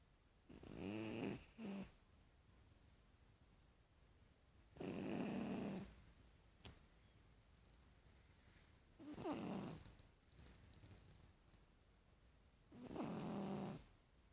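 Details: Sleeping cat snoring, recorded May 8 2015: regular soft snores in a quiet room, each a rattling inhalation, about 15 breaths a minute.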